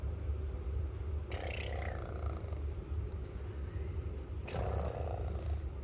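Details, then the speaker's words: Young boy snoring before sleep: two loud, rough, rattling snores about three seconds apart over a steady low background rumble. "تشخر يا نوم لا تشخر"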